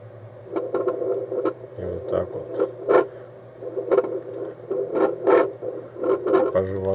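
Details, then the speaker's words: Home fetal Doppler device running on two AA batteries, used with ultrasound gel; possibly demonstrated on an adult's own pulse. Rhythmic whooshing pulse sounds, roughly one a second, over a steady electrical hum: a pulse on Doppler. "на эффекте Доплера радар который измеряет сердцебиение плода внутри внутри живота утробы"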